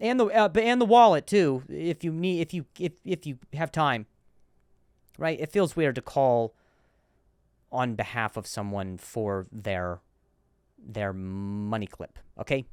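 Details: Male comedian hosting a podcast about his stutter; repeated words; stuttering.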